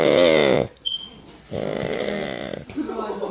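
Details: Loud, rough, vibrating snoring breaths with brief quieter gaps, from a real person, not an actor, sleeping while being pranked.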